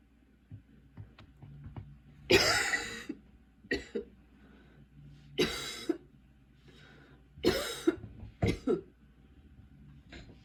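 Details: Repeated harsh coughs in short clusters with brief pauses over low room hum: persistent recurring coughing fits despite medication, recorded while unpacking and getting ready for school.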